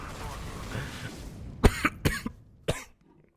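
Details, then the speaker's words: Adult gamer with a sore throat after screaming at a party, feeling sick, has a coughing fit while playing: four harsh coughs in quick succession after background game sound. "Might t the the coughing incident. Oh, she just coughing so much. I'm dying and like hardly focus."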